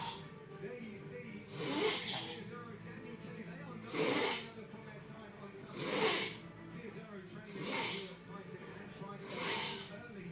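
Repeated rough, gurgling snoring breaths about every two seconds over steady background music; snoring.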